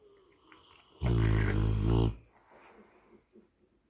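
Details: Tired sleeping Rottweiler dog: one loud, deep, rattling snore of about a second, quiet room noise before and after; dog snoring.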